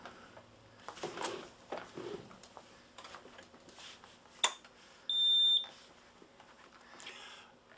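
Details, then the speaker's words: Newport HT70 transport ventilator switched on for a pre-use circuit and leak check: a switch click, then a steady high beep of about half a second as it runs its start-up self-test; ventilator start-up tone. "on the machine will talk to us hello the ht70 is now starting up please wait"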